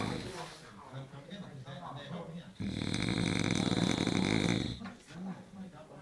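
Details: Adult man sleeping and snoring loudly: a single harsh, rumbling snore of about two seconds, with quieter breathing and room noise before and after.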